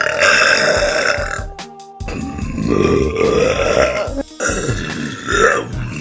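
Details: A girl's voluntary burping, made by swallowing air: several loud, drawn-out burps over background music.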